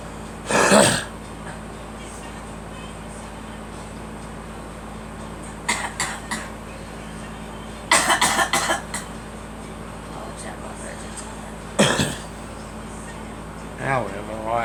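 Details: Child (girl) coughing, several short harsh cough bursts, some in quick clusters, over a steady background hum; repeated coughing attributed to allergies.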